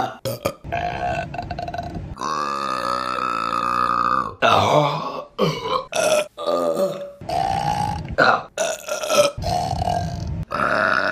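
A series of loud, drawn-out voiced belches, one lasting about two seconds, with short gaps between them; repeated burping.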